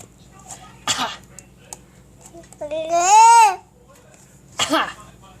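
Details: A young child mimicking an adult's cough with two short, breathy cough-like bursts and a brief voiced sound between.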